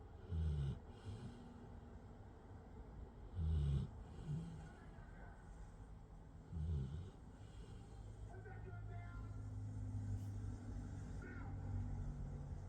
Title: good day to snooze and snore with Hero. #happy #dog #love #soberlife